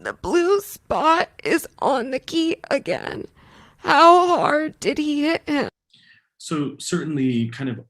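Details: Strained voice with throat tightness in a patient reading sentences aloud.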